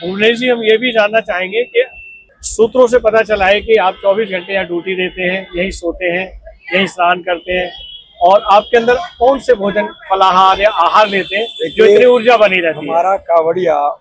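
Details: Adult man speaking Hindi; normal voice.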